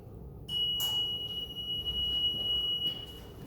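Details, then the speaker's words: Hamilton G5 mechanical ventilator power-on tone during setup, before connecting to an intubated patient: a steady high-pitched electronic tone lasting about two seconds. "I have this all secure here, so now I'm going to go ahead and turn on my ventilator."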